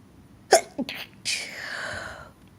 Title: Variety of sneezes, finger under nose